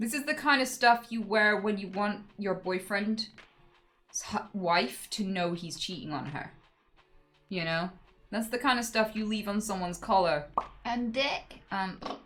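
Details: Adult woman speaking; Vocal tics (Tourette syndrome).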